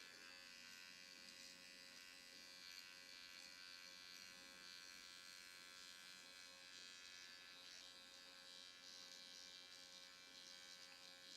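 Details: AOS Nano Infusion Pen nanoneedling at home during a live demo: a steady high-pitched electric buzz as the handheld pen, set to blue (its lowest setting), runs over serum on the mouth area and lips in up-down, side-to-side and circular motions.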